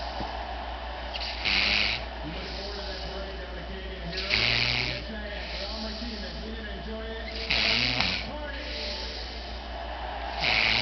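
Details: Loud rasping snores about every three seconds, roughly 20 a minute, with quieter breathing between and background talk in the room; snoring.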